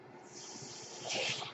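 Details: Mechanical ventilator that a podcaster says is his own, audible during his recording: a steady airy hiss swells briefly louder toward the end as the ventilator delivers a breath, one breath cycle.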